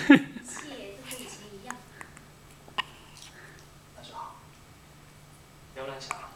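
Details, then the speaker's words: Hiccups in a 10-day-old baby: brief, sudden hiccup sounds with quiet voices and room hum in the background. "吹给灯了，惨了。"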